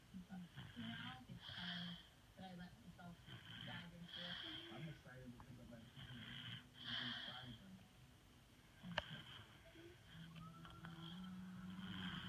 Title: Daddy-daughter snoring contest